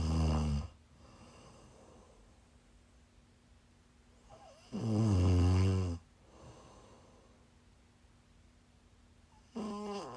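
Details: Live-streamed sleep recording of a sleeper who is sick: loud, low rattling snores on breathing in, about every five seconds, with quiet breathing between; snoring.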